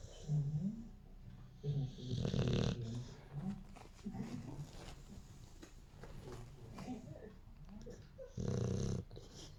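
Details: Sleeping dog snoring: irregular low rumbling snores with a few louder snorting breaths amid faint room noise.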